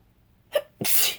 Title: Morning Cold Sneezes & Noseblowing